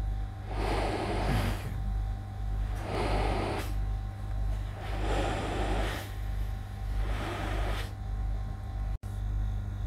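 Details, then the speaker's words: BMC RESmart BiPAP (model YT-30, pressure up to 30) demonstration, machine just switched on, IPAP pressure rising and falling: steady low motor hum with rhythmic airflow whooshes about every two seconds. "कि यह machine on के हमने है तो यहां पर हमें यह ऊपर प्रेशर दिख रहा है कि IPS कम ज्यादा हो रहा है"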